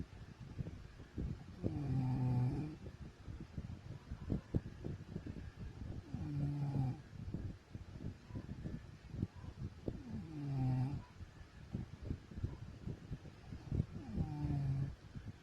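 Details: Adult woman (wife) snoring in sleep: deep, rattling snores on each in-breath, about 15 per minute, with quieter breathing between; ordinary snoring.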